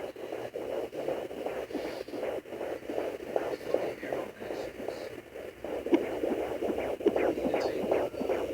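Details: Fetal heartbeat at 22 weeks of pregnancy on a Sonoline B fetal Doppler: rapid, rhythmic whooshing pulses at about 150–160 beats per minute.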